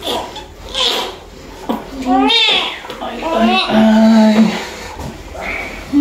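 Strong, rising and falling wails of a newborn just after delivery, with room voices around; a vigorous cry after a normal birth.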